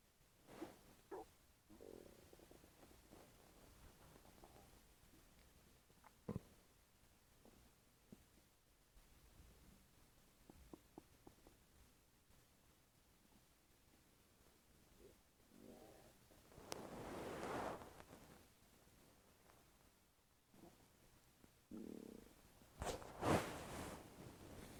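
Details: Stomach making noises nonstop for over five minutes: gurgling, rumbling bowel sounds (borborygmi) with scattered clicks and a few louder prolonged growls.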